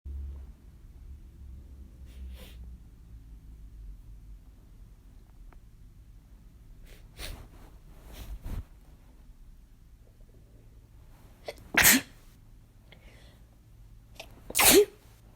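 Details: Sneezes set off by chhinkni: a few soft breathy bursts in a quiet room, then two loud, sharp sneezes near the end.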